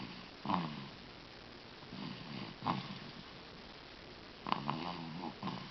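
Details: Sleeping subject recorded with the microphone not close: repeated soft, snorting snores every one to two seconds, some with a short rattle; snoring.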